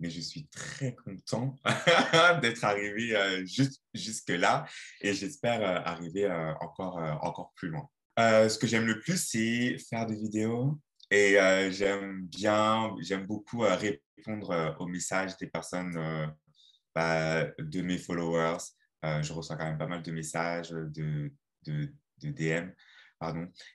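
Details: 28-year-old man who has stuttered since about age 7–8 and still stutters sometimes; stuttering.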